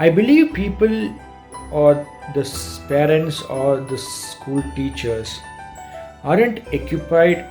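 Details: Adult man who describes himself as a stammerer and has worked to overcome his stammer; stuttering.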